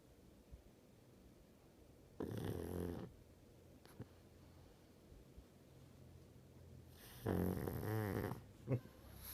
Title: snoring